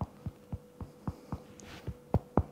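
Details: Finger percussion demonstrated on oneself over the liver at the bottom of the rib cage: eight short dull thuds with little ringing and a faint steady hum behind, a dull percussion note.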